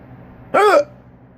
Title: has hiccups again.